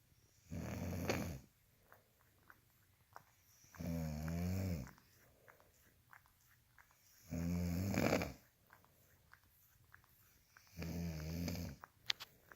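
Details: Snoring: four loud, rough, low snores about 3.5 seconds apart, roughly 17 a minute, with quiet breathing between.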